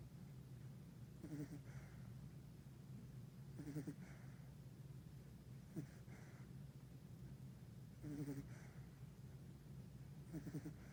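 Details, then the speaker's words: 3-week-old male Labrador retriever puppy sleeping among littermates, snoring softly and repeatedly. "So all is quiet in the puppy pool this morning with these beautiful 3-week-old lab puppies, 7 boys, except for this little guy. Can you hear him snoring?"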